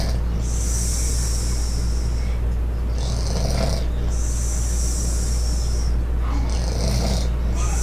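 Loud rhythmic snoring with hissing breaths in and out, roughly four breath cycles over a steady low hum.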